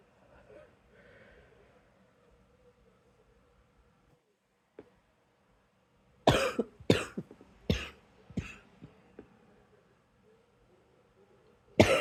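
Quiet breathing, then a cluster of about five short, sharp coughs with throat clearing, and one more cough at the end.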